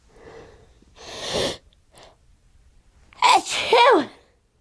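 A sharp indrawn breath, then a loud voiced sneeze with a rising and falling cry-like tail; an ordinary sneeze.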